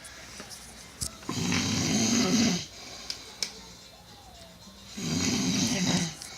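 Two loud, harsh, rattling snores on the in-breath, about 3.5 seconds apart, in a small quiet room.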